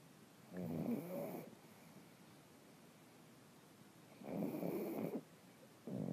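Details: Two sleeping pugs: rough, rattling snores about every four seconds with quiet pauses between; snoring.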